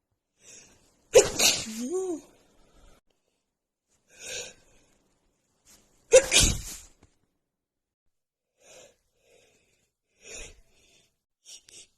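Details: Female with runny nose after an hour outside in snowy cold weather, plus dust exposure; two loud, explosive sneezes with quick inhales between, then softer sniffs and breaths: a sneezing fit.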